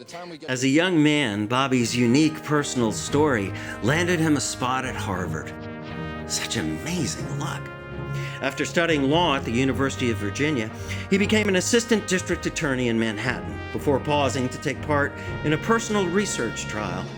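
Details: Adult male narrator; normal speech.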